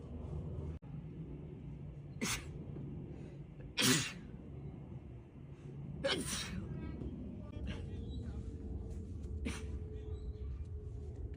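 Four sudden explosive bursts of air over background room noise: repeated sneezing.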